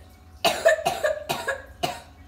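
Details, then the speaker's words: Child with a nasty cough who says his belly hurts, four harsh rough throaty coughs in quick succession; cough. "he's coughing in that his belly hurts as well"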